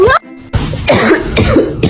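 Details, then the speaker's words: Adult coughing near a cat to provoke its reaction: a few short, harsh cough bursts with music and talk in the background. "What happens when you sneeze or cough around your cat? Funniest reactions."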